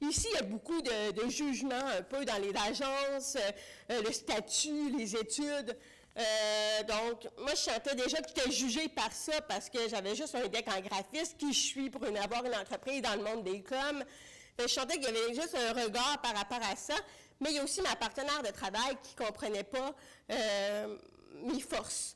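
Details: Deaf speech in French from an adult woman with congenital bilateral severe-to-profound hearing loss; she used a hearing aid for about thirty years, recently finished cochlear implant rehabilitation, and relies on lip reading.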